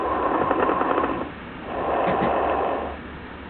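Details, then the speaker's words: Simulated breath sounds from a SAM training manikin, stethoscope on the upper lung: loud, low, bubbling, very coarse crackles through both breath phases. "breath sounds are easy to hear with sam place the stethoscope on the upper lung and listen to very coarse crackles"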